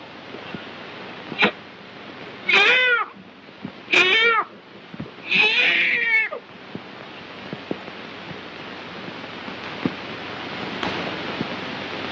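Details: Newborn girl's first cry at birth, recorded in a 1938 film: three brief, thin, high-pitched wails over the steady hiss of an old recording.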